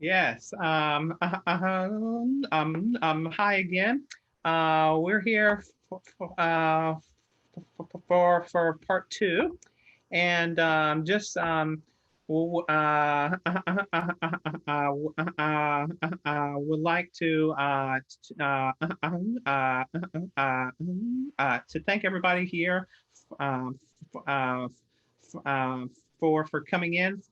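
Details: Adult who stutters presenting a webinar on career barriers for people who stutter, with frequent filler interjections and repeated words; stuttering.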